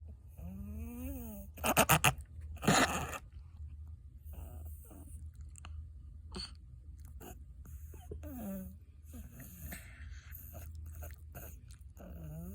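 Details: A Chihuahua in a reverse sneezing episode makes rapid, snorting inward gasps, followed by whines and squeaks.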